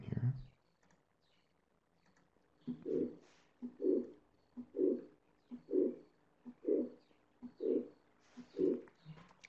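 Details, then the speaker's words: Audio recording of regular paired heart sounds at about 64 a minute, each with a quiet, drawn-out sound late in systole. Late systolic murmur. "so here you know I have a late systolic murmur murmur I have a brief diagram of it and a sound recording you might not be able to hear this one"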